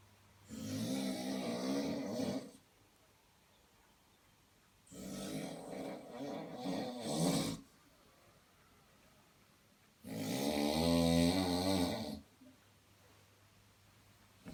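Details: Heavy snorer, an adult man, asleep: three loud, rough, vibrating snores about five seconds apart with quiet pauses between, roughly 12 breaths a minute; ordinary snoring.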